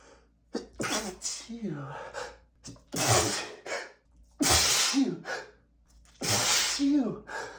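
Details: Adult male with bad allergies, medication taken that morning not working: three forceful sneezes in under eight seconds, each preceded by a sharp gasping inhale, with sniffing between; a rapid allergic sneezing fit.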